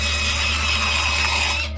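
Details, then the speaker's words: Steady high-pitched mechanical whine with a low hum beneath: a dental drill running against a tooth during a root canal procedure. "now if you've never seen one done before brace yourself because this is a root canal they drill into your tooth"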